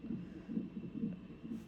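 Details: Baby boy on the hospital fetal monitor during labour induction with Pitocin at 39 weeks 5 days: quick, regular whooshing beats of about 135 a minute. Fetal heartbeat.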